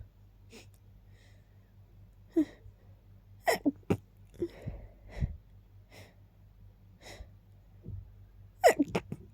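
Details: Very rapid sneezing after smelling lilies and keeping them nearby: short sharp breath catches build into several rapid sneezes in quick succession, ending in a clustered burst.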